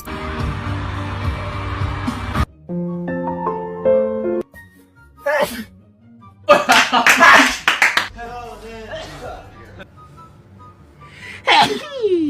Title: sneezes🤣 #kpop #viral #shorts